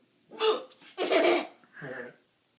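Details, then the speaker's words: Adult man, a father, with hiccups that won't stop: sudden voiced catches in quick succession mixed with laughter-like sounds, as family talk about whether it will ever stop. "what's wrong with daddy do you think it's ever going to stop i don't think it's ever going to stop people are evil do you want daddy to hick up forever"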